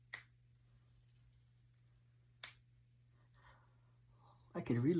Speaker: Okay, I'm going to crack my fingers. I'm also going to do my knees.